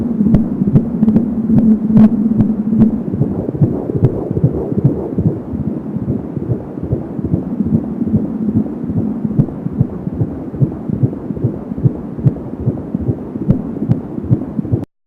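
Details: Fetal heartbeat at 19 weeks of pregnancy, heard with an Angel Sound home fetal Doppler: rapid, regular whooshing pulses at about 170 beats per minute, with whooshing umbilical cord sounds.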